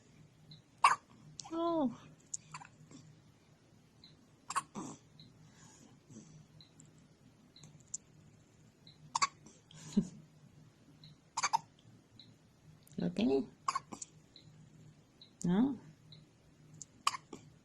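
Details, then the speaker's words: Strong, recurring hiccups in a baby: about eight abrupt clicking catches in the throat over 17 seconds, with soft baby sounds between; caregiver wonders whether the baby drank too much milk or didn't burp enough. "you got the hiccups again once you do what you're doing or two hiccups again oh what we're gonna do about that family oh baby"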